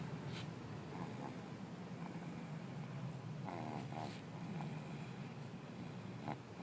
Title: Snoring in the car